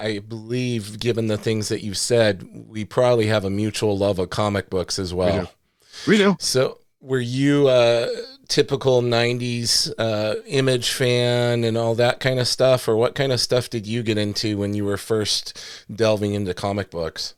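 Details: Adult male speakers; normal conversational speech.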